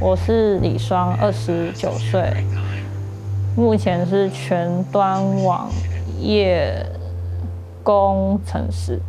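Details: 29-year-old man with stuttering, who reports it brings breathing difficulty, palpitations and trembling and says he suppresses body reactions and controls facial expressions while forcing speech out; stuttering.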